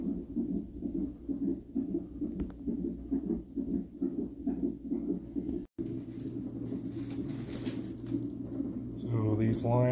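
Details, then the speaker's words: 37-week high-risk pregnancy, non-stress test: rapid, even whooshing pulses about 130 a minute on the fetal monitor with room noise; heart rate said to rise when the baby moves; fetal heartbeat. "The baby's heartbeat is not that strong. Every time he moves, the heartbeat's getting strong and fast."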